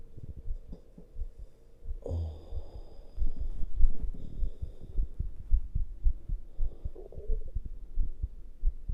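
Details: Fast, heavy, low thumps of a male heartbeat with rough, heavy breathing over them: rapid pounding heartbeat with heavy breathing.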